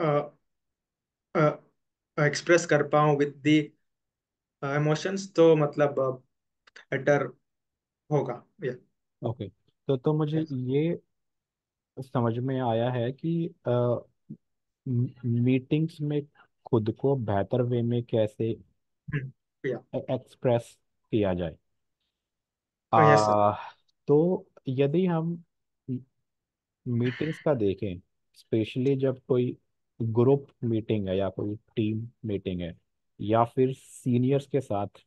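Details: Real stammering in an adult man who says he stammers more in one-on-one situations; stuttering.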